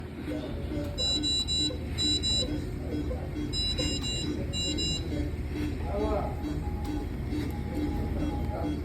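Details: ResMed BiPAP machine alarm: repeating high-pitched beeping bursts over steady background music and room noise, with silent mode shown.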